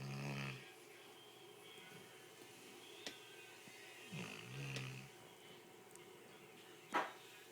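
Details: Darwin, a dog, snoring during a nap in an office, low rumbling snores a few breaths apart.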